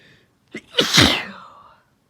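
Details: Induced sneezing by a female recovering from a cold: a quick in-breath, then one strong, explosive sneeze that trails off.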